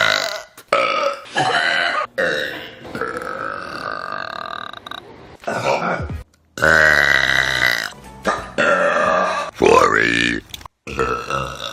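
Several loud, drawn-out voiced belches, some with vocal sounds between, over background music.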